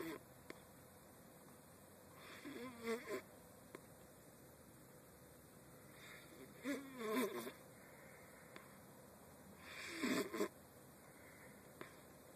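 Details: Man sleeping: soft irregular snoring, three faint snores with some fluttering over steady room hum; snoring.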